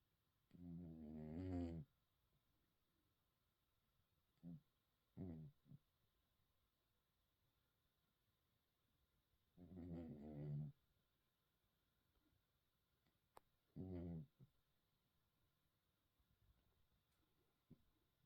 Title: Hermann cat sleeping, snoring and dreaming. The sweetest "little" snore ;-)